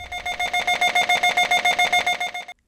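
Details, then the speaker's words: Brain MRI scanner noise heard by a child preparing for a research scan: fast, steady electronic beeping pulses, about six a second, during one kind of imaging sequence; each sequence lasts several minutes and sounds different; normal scanner sound. "the scanner makes all kinds of noises when it's taking pictures and we take many different kinds of pictures each type of picture we take lasts several minutes and each may sound a little different"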